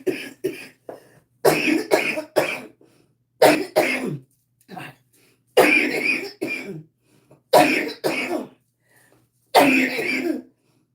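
Repeated short dry coughs and throat clearing in clusters, about a dozen bursts, from an adult woman with interstitial lung disease.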